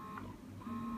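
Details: Soft, cycling motor whir with a low hum from a Spectra S9 Plus battery-operated double electric breast pump running; massage (stimulation) mode goes up to level 5, expression mode to level 10.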